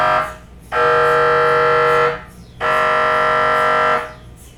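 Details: Loud, harsh buzzing tones lasting over a second each, repeating with short gaps: MRI scanner noise during imaging.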